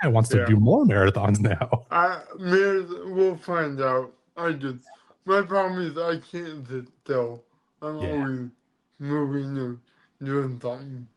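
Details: Adult man born with cerebral palsy, which affects his neck muscles, giving him a deeper voice and making talking hard; dysarthria (cerebral palsy).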